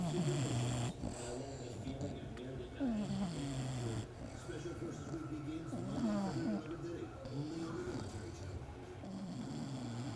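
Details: A bulldog puppy, worn out after a day at the dog park, sleeps deeply and snores loudly.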